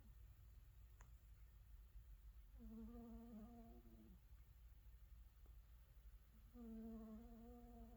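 Two soft, drawn-out tonal breaths with a steady buzzing pitch over low room hum, a cat snoring in sleep.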